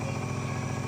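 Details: Nebulizer machine switched on and running: a steady low motor hum and buzzing from the compressor.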